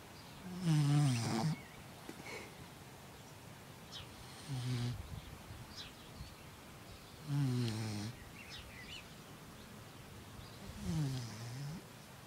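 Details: Sleeping puppy snoring: low, rumbling snores about every three to four seconds, roughly 17 a minute, over a steady background hiss.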